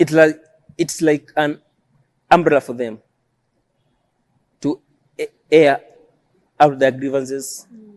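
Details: Adult male who stammers, self-described as neurological and present since birth; stuttering.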